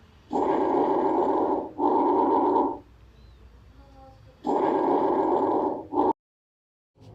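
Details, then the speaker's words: Bronchovesicular breath sounds on anterior chest auscultation with a stethoscope: soft rushing breaths, inspiration and expiration similar in length; normal finding. "Comenzaremos con la exploración de los ruidos broncovesiculares, que más o menos se escucharán así."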